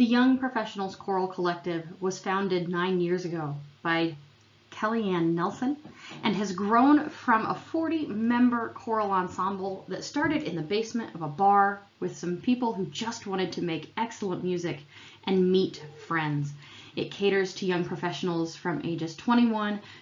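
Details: Adult speaker; normal speech.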